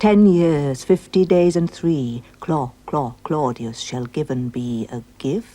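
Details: Adult actor imitating a stammer; Stuttering (imitated).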